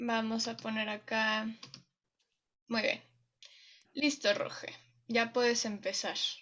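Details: Adult speaker (facilitator); ordinary speech.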